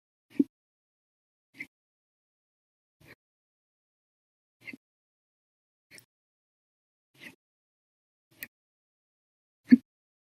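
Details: Eight short, abrupt gulping clicks at steady intervals of about fifty a minute in a quiet room: persistent, loud hiccups lasting 14 hours 16 minutes, which began after breakfast, lunch and a cup of soda after dinner.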